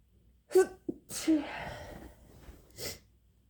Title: Induced sneezing